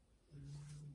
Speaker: do you hear the noise oh yeah i have a snoring dog